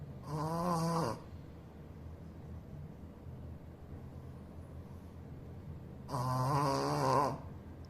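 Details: Sleeping Shih Tzu dog snoring: two loud, rattling, buzzy snores about six seconds apart with quiet breathing between them.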